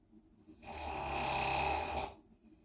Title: Downside about staying in Hostel.. Your Roommate Snoring really LOUD!!!